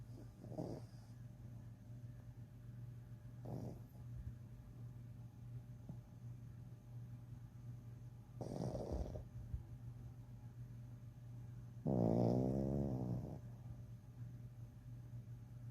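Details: Loud snoring: intermittent rattling snores, the last one long and loud with a strong buzzing vibration, over a steady low hum.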